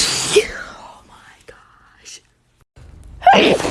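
Two forceful, explosive bursts of air with voice, a brief quiet gap between them: repeated sneezes.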